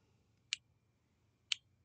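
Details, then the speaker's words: Omnipod Dash insulin pod, filled with at least 80 units and initialized via AndroidAPS (DIY looping), priming: two sharp, quiet clicks about one second apart; the same clicking accompanies bolus delivery. "so now that the Pod is full I'm clicking next and now it's initializing the pod so now it's making the little clicking sound you hear"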